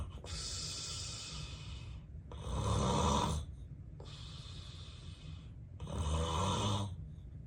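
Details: Real, unplanned daytime nap recorded in bed by the sleeper, who has sleep apnea: loud, steady snoring with a harsh rumble on both breathing in and out; snoring in obstructive sleep apnea.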